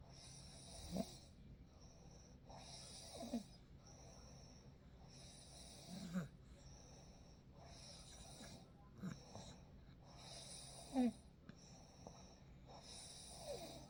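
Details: Soft breathing with faint snoring and small snorts at a slow rate over steady hiss, in a real night sleep recording made with a baby present; who snores is not stated; gentle snoring.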